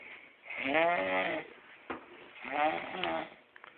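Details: Grandma snoring on Christmas: short, nasal, rattling snores, two in under four seconds, with a brief snort between them; ordinary snoring.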